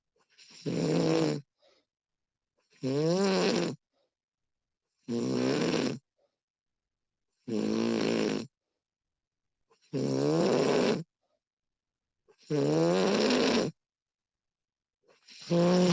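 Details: Loud, regular snores on each breath in, about 25 a minute, with quiet pauses between them, from a sleeping woman recorded during sleep; snoring.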